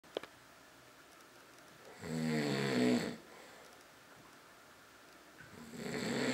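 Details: A single loud rattling snore on the in-breath, then quiet and the start of another; ordinary snoring from a sleeping person in a small room.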